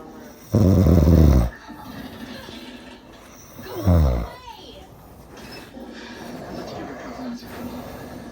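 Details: Two loud, deep, rattling snores, one long and one shorter, from an adult man (the recorder's father) over low room noise and faint television or talk; snoring.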